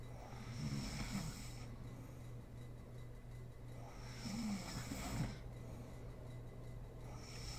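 Two rough, fluttering snores on breathing in, about four seconds apart, over quiet room hiss; ordinary snoring.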